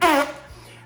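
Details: Adult male with Tourette syndrome; vocal tic made by pursing the lips to produce a flatulence-like sound, first at about age 16, returned after starting ADHD medication, now occurring 100–300 times daily. Vocal tic (Tourette syndrome).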